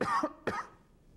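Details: Adult imitating the cough of pneumonia: two short, harsh cough bursts.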